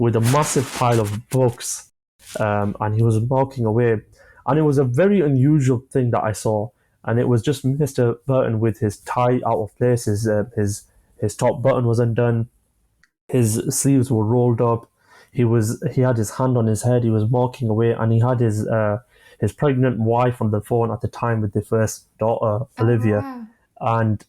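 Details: 25-year-old man with stammering (stuttering) since early childhood, which he says began after an asthma attack; he experiences blocks and manages them with breathing methods and pauses; stammering (stuttering).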